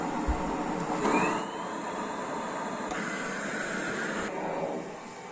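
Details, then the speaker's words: Steady machine blowing that shifts between pushing air in and pulling it out: a cough assist machine in therapy mode on a patient in an elevated bed needing oxygen, SpO2 below 90, suspected airway phlegm. "Basically, the cough assist will force air into her lungs and then suck the air out of her lungs so that it will help her to cough."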